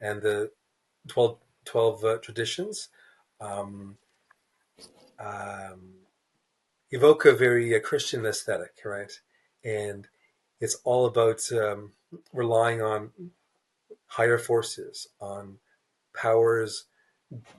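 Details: Adult man, a writer who describes himself as a person who stutters, in a real interview; stuttering.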